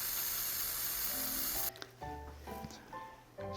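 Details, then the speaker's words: Anesthetic (not cooling) spray applied to the submental skin before a V-olet double-chin fat-dissolving injection: steady hiss under two seconds, then background music. "자 이제 시술 할게요 마치 스프레이 들어갈 건데 그래도 조금 차갑습니다 너무 놀라지 마시고요 좀"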